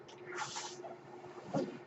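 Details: Mechanical ventilator sound heard during a podcast recording, which the user identifies as their own ventilator: a soft rushing air hiss with a steady low hum and a brief puff as it cycles.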